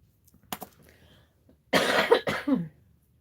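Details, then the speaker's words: Adult woman coughing shortly after taking her asthma medicine, talking while colouring: two faint short coughs, then a louder cough and throat clearing; cough. "I just took my asthma medicine, so I might cough just a little bit, but it'll it'll subside when I settle down."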